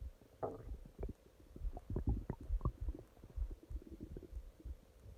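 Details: Long stomach growling at night: low, irregular gurgles and bubbling rumbles in quick succession, normal stomach growling (borborygmi).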